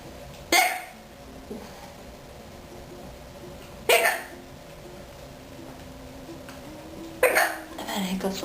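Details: Patient with a hiccup attack, in a setting where nurses come in: three sudden, sharp vocal catches a few seconds apart over quiet room noise; hiccups.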